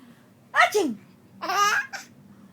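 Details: Child sneezing: two quick voiced bursts, each a sharp intake then an explosive release; sneezing.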